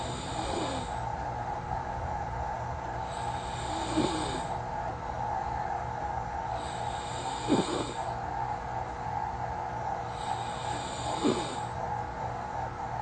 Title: Recorded myself snoring😂it sounds weird! soft, quiet.